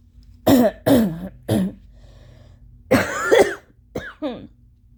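Several loose, rattly coughs with a throat-clearing quality, separated by pauses; a wet, phlegmy cough from allergies.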